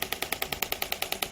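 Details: Radial-type extracorporeal shockwave therapy device with titanium applicator demonstrated on an arm with gel, including a pressing squeegee technique that can cause bruising: rapid, evenly spaced sharp clicking pulses, about ten a second.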